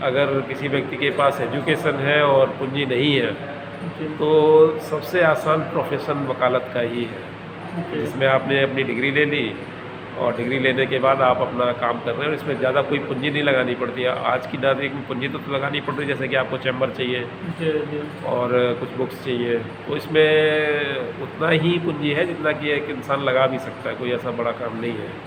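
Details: Adult man speaking Hindi; fluent speech.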